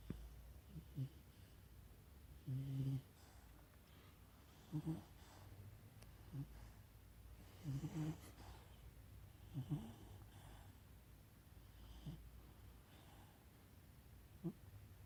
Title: 강아지 코골이2